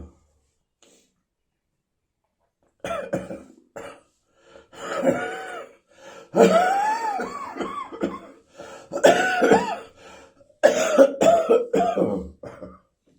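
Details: Chesty, throaty, wheezy coughing in an adult: repeated harsh, wet coughs with whistling, wheezy tones on the breaths between bursts.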